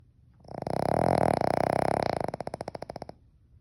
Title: Snoring dog